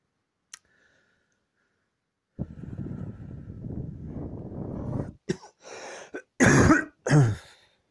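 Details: A long rough throat-clearing rattle, then a run of about five harsh coughs in quick succession; a coughing fit.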